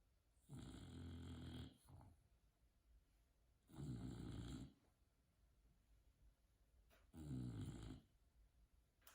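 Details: Sleeping bulldog snoring: low, rumbling snores with each in-breath, about 18 a minute, with a quiet room between; snoring.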